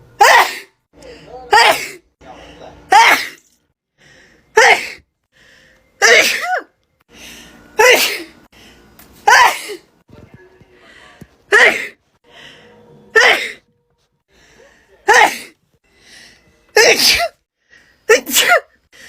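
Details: About a dozen loud, sharp sneezes in quick succession, each with a brief intake before, from a young woman with bad allergies and swollen eyes; repeated allergic sneezing.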